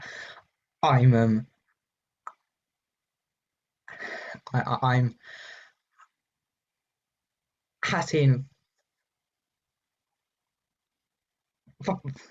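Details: Stuttering in a man, recorded on his first day before joining the McGuire Programme (untreated); he says he pushed through his blocks to get words out.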